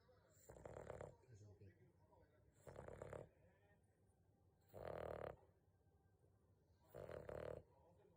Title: いびき 犬 snore dog